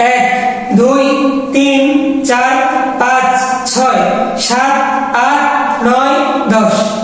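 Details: Puberphonia in a young man with an abnormally high, thin voice since about age 15–16, recorded during a voice therapy session.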